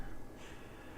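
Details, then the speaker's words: Sleeping bulldog snoring in a quiet room: faint, low, rumbling snort-like breaths. "you guys can probably hear my dog back there just giving big long snores he is so comfy"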